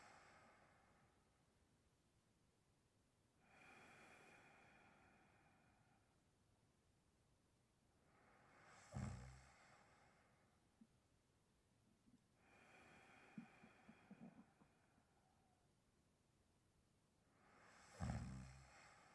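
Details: Person sleeping and snoring: slow, soft sleep breathing with a snorting snore on some in-breaths, about seven breaths a minute.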